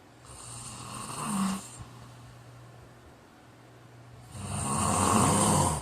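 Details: Two loud, rough, rattling snores separated by a quiet pause; ordinary snoring during sleep.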